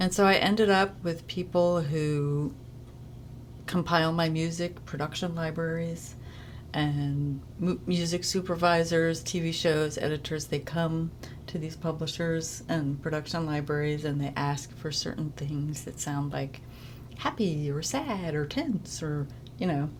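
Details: Adult woman with spasmodic dysphonia, a neurological voice disorder and form of dystonia, onset about age 30, ENT-diagnosed around 2014; voice varies between good and bad days; two brothers have dystonia, suggesting a genetic component; spasmodic dysphonia.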